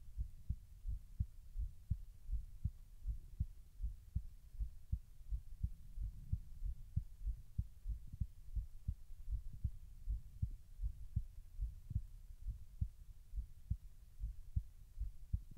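Steady low thumping heartbeat, about 90 beats a minute in paired sounds, over low rumbling background; ordinary heart sounds.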